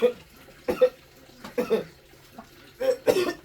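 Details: Sick man with fever, headache and persistent cough, given tablets and rice porridge at home, hospital being considered: three to four harsh cough bursts with pauses, over faint running water.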